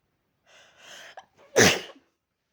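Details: Person with a cold and a very sore throat: quick catching inhalations, then one loud, violent, explosive sneeze that fades out; cold sneezing.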